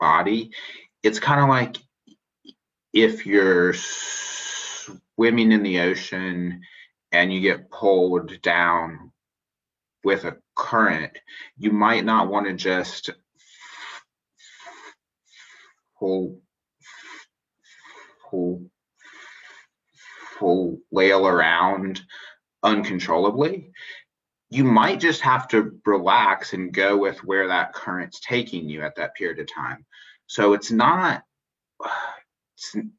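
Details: Spontaneous interview speech of an adult man who identifies as a person who stutters, with long pauses and broken-up phrasing; finding: stuttering.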